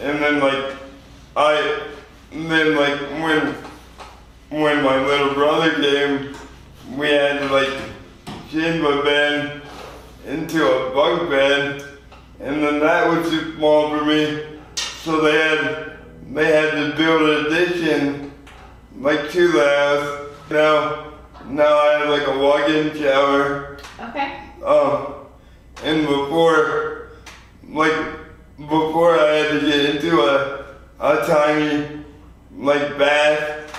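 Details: 24-year-old man with lifelong spastic quadriplegic cerebral palsy following premature birth at 2 lb 4 oz; spastic dysarthria (cerebral palsy).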